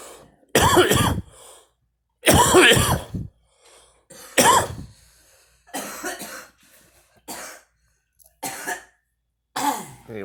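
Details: An adult woman smoking gives a run of about seven harsh coughs, the first loud and voiced and the later ones weaker: cough.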